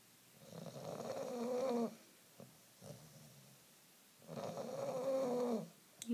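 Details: 9-month-old bulldog Fergie asleep after her walk, tongue out, who always snores; two long, droning, whistling inspiratory snores with soft snorts between them.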